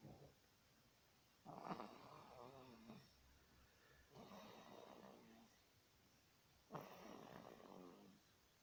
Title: Does i snore :)